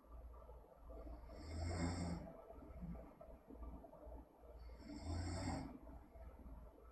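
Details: Sleep snoring: soft rhythmic snoring, two rumbling breaths about three seconds apart with quieter exhalations.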